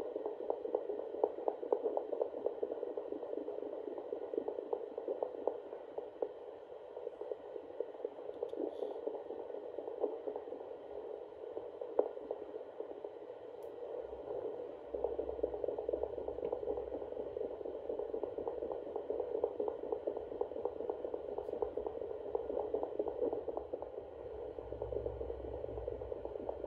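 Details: Pregnant feral cat Naya, due any day: Doppler picks up rapid, whooshing pulses of her unborn kittens' heartbeats, heard for the first time. Normal fetal heartbeats.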